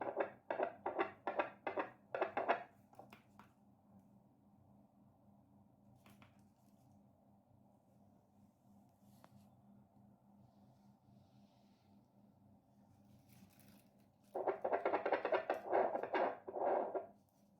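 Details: Nidek fetal Doppler recording: rapid, rhythmic whooshing fetal heartbeat at about 150 beats a minute.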